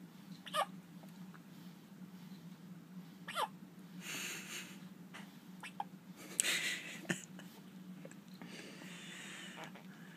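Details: Young child with a recurring bout of hiccups, laughing at times, recorded Sept 17, 2013: faint, sharp catches every few seconds over a steady background hum.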